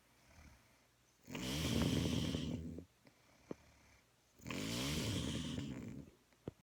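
Two loud, rough, rattling snores on the in-breath, roughly 19 a minute, with quiet pauses between them: typical snoring.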